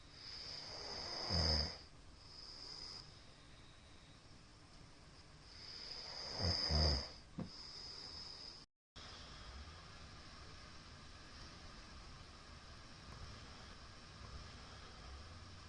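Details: Middle-aged man snoring loudly in sleep, tagged with possible sleep apnea: loud, rough inhalatory snores separated by long quiet gaps, irregular, roughly 11 per minute. Snoring.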